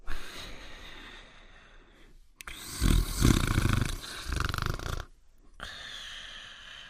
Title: Fafa's Greatest Adventures (1988-1989): Cartoon Dog Sleeping and Snoring in 54 seconds